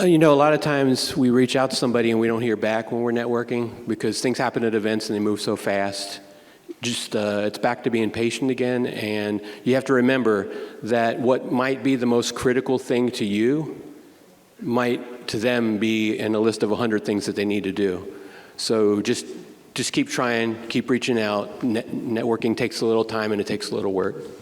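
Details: Adult male speaker; normal speech.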